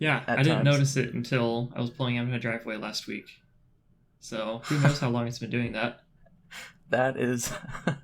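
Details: Adult man, podcast-style conversation; ordinary speech.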